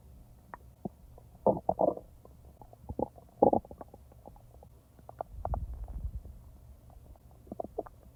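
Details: Own stomach recorded when digestively active and edited, not in real time: irregular gurgles and low rumbles about 30 per minute, normal digestive bowel sounds (borborygmi).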